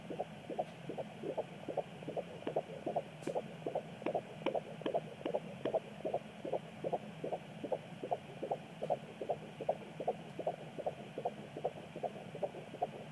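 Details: Fetal heartbeat at 16 weeks 4 days of pregnancy on Doppler: rapid, regular whooshing pulses at about 145 beats a minute. The baby gives a kick later in the recording.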